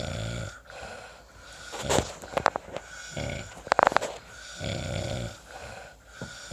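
Rhythmic low rattling breaths with snorting bursts on inhalation, a snore pattern of noisy airflow through the relaxed upper airway during sleep.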